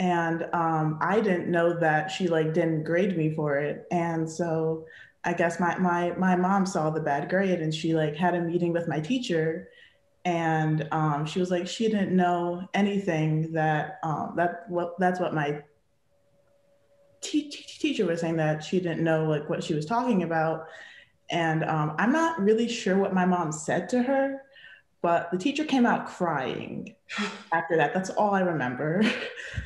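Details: 20-year-old female college student, a person who stutters, speaking in real conversation; part-word repetition noted; stuttering.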